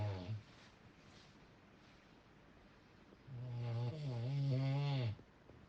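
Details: Loud snoring: low, buzzing snores on the breath, with a long rattling snore near the end.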